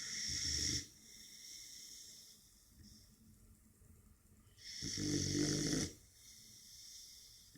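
A sleeping puppy gives two rattling, snorting snores a few seconds apart, with quiet breathing between them; ordinary snoring.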